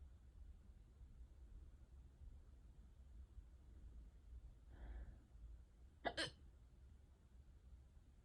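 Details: Bad, persistent hiccups: quiet room with a soft breath, then one sharp, abrupt hiccup.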